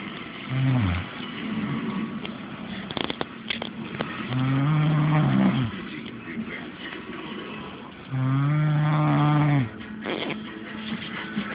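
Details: Girl snoring: loud, low, rattling snores recurring about every four seconds, roughly 15 breaths a minute: snoring.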